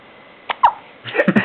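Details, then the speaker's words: Baby with hiccups, said to need burping: two short, abrupt hiccup sounds followed by soft fussing vocal sounds; hiccups. "Someone's got the hiccups."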